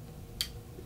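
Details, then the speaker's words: Turbuhaler inhaler for COPD: the coloured base is twisted one way, then back, giving a single sharp click showing the dose is released and ready to inhale. "یچونی بً به طرف دیگه طرف برعکس میپیچونی و یک صدای کلیکی خواهیم شنید وقتی این صدای کلیک رو میشینید یعنی دستگاه یعنی دارو آزاد شده و آماده است برای استفاده کردن"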